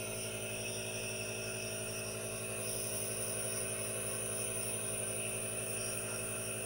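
Steady mechanical hum with a fast buzzing pulse and hiss from a running nebulizer compressor.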